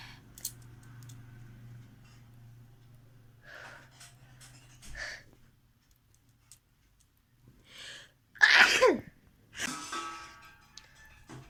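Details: Sneeze recorded for a sneezing and nose-blowing challenge video: a quiet breathy build-up, then one loud sneeze burst and a softer second sneeze, with faint room hum.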